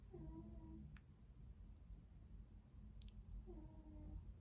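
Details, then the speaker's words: Pet cat sleeping during filming: two loud, buzzing, slightly whistling snores a few seconds apart, over low room rumble; snoring. "Vraiment, j'ai l'impression d'être super intéressante quand je parle de bouquins, quand j'entends mon chat qui ronfle comme ça pendant que je tourne mes vidéos."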